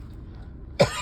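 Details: Adult with a bit of a cough put down to the change in weather, otherwise not sick: a single short, mild, dry cough burst.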